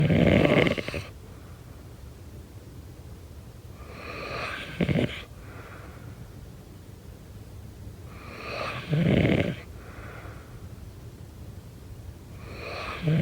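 Loud, rough snoring with a snorting catch, repeating about every four seconds, roughly 14 breaths a minute.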